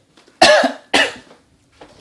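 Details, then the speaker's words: Two sharp explosive coughs in quick succession then a faint breath, from a young vlogger who says it hurt; brief dry cough. "yeah dude you don't cough during your what you I had a little little thing right there it hurt"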